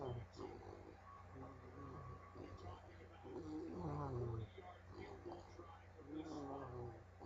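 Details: Bulldog snoring while lying comfortably asleep.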